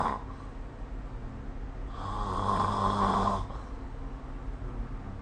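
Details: Low rumbling snore on a breath in over steady room hum, recorded with the SnoreLab snoring app; snoring.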